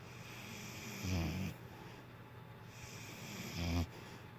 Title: Rome dog snoring